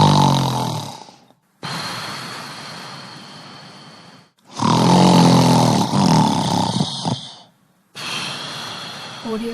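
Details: Loud, harsh, rattling snores on each breath in, with brief pauses between; a deep, rough airway vibration during sleep; snoring.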